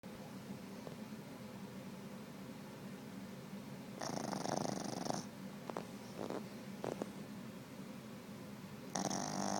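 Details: Boston Terrier asleep on owner's lap, snoring loudly: harsh noisy snorting snores on breaths with softer snuffles between, over a low room hum.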